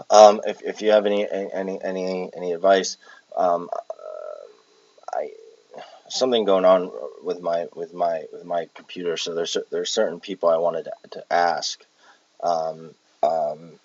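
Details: Palilalia vocal tics in an adult with Tourette syndrome who has echolalia and palilalia traits, recorded while exhausted with tics affecting speech.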